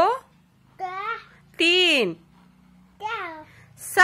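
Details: Young child with a cochlear implant in a Hindi/Urdu speech therapy practice session, responding after the mother counts: speech of a child with a cochlear implant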